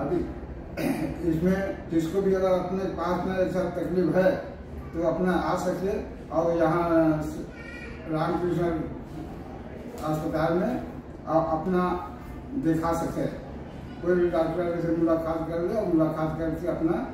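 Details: Adult man speaking Hindi; speech after partial glossectomy.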